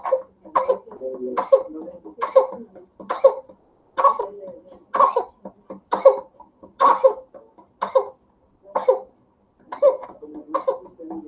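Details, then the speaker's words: Repeated short coughing bursts in paroxysms with gasping breaths between runs: whooping cough (pertussis, Bordetella, "hundred-day cough"), used as a teaching example. "de la tos de los 100 días, así se llama, a la verdadera bordetela, pertusis y que lamentablemente por la pandemia y por el lavado cerebral de los eh que meten miedo a las vacunas, la gente ha dejado de vacunarse"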